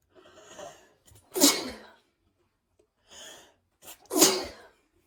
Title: Cold sneezing (very sneezy)